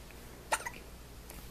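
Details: Short, sharp catch of breath with a small second pulse over steady room hiss from a 1-month-old baby boy; infant hiccups.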